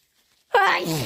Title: Strong, loud induced sneezes plus blows